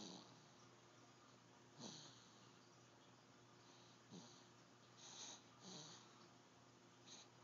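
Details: A dog sleeping after a long day makes soft, noisy breaths with faint snorts recurring every second or so over a steady low room hum: dog snoring.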